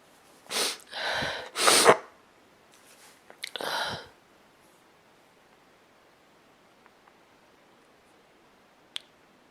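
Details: Woman sneezing repeatedly: several sharp explosive sneezes in quick succession, then quieter nose blowing into a handkerchief with rustling in a quiet room.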